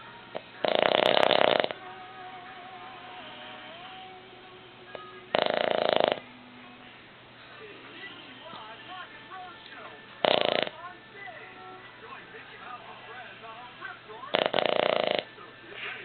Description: My Boston Terrier Buster sleeping and snoring.